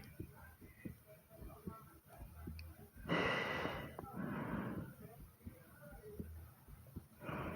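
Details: Person recording their own breathing, reporting a fast heartbeat and hard breathing: loud, effortful breaths with rough, noisy airflow; laboured breathing.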